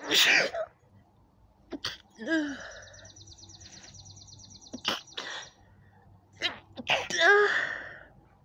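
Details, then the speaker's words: Allergic hay fever sneezing in spring: several sharp sneezes, some with a voiced cry after the burst, in a quiet room with birdsong. "oh my allergies are like acting up super bad i don't know if it's being in the valley or what but i've sneezed like a hundred times"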